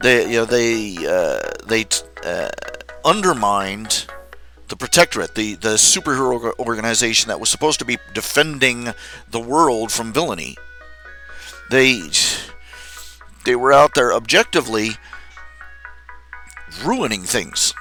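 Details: Man who says he stutters all the time and is having difficulty explaining his point; stuttering.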